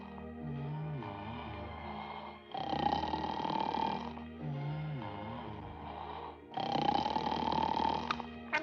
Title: Snow White and the Seven Dwarfs 1937 Dwarfs snoring